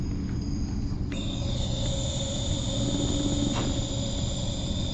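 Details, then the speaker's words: Nebulized medication through a CareFusion ReVel ventilator, using the nebulizer kit with its T-piece adapter, set to continuous mode: a steady mechanical hum, then a continuous high hiss as the nebulizer keeps delivering medication. "running continuously and press it in it'll just continuously feed medication through for the duration"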